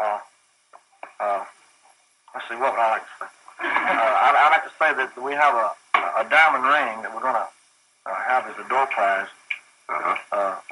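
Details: Archival clip of a famous male singer who said he stuttered when excited, on words like when and where and words starting with W or I; his stutter is audible. Finding: stuttering.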